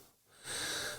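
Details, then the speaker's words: Adult trying to quit smoking cigarettes who reports wheezing badly with chest and lung trouble: a brief pause, then a noisy, airy breath with a thin, high-pitched whistling edge. "i'm pretty sure you can hear i am wheezing pretty badly at the moment my lungs and chest everything see trying to come off the cigarettes"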